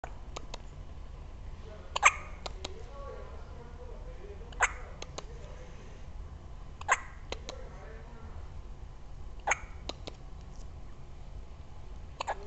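Sharp, brief clicks in small clusters every few seconds over a quiet background, consistent with hiccups.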